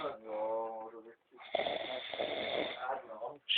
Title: Schnarchen